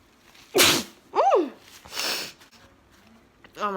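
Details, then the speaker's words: Girl with a new nose piercing, who says she can't stop sneezing and sneezed about seven times: two sharp explosive sneezes, each with a quick inward breath, then brief vocal sounds. "god I can't stop sneezing I sneezed like seven times when I was in my downstairs"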